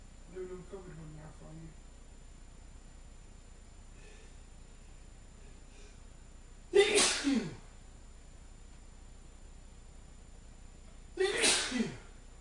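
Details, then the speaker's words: Adult male deliberately acting sneezes on camera, saying his nose is very itchy: two forceful sneezes, each a sharp burst trailing off, after a few quiet words. "I've got a really itchy nose. As you can see, it's making me sneeze a lot."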